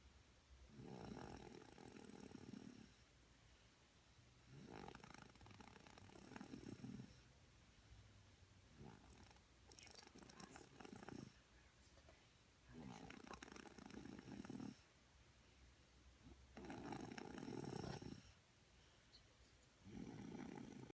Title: Snoring beauty